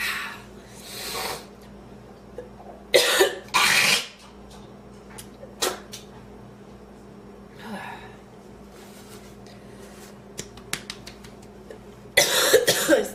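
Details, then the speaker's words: Bursts of harsh, forceful coughs with gasping breaths between them after inhaling part of a sandwich while eating, followed by lightheadedness; coughing fit after food aspiration. "feel like i have food in my lungs whew ah lightheaded oh my god i'm gonna pass out that was intense uh uh um i haven't had a coughing fit like that in a long time"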